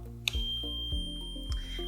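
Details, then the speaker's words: Short high electronic beep over low machine hum and clicks: the audible start-up alarm as a mains-powered DeVilbiss oxygen concentrator, with no internal battery, is switched on and begins its self-check. "And then we're going to use it. So just turn it on and you'll hear an audible alarm."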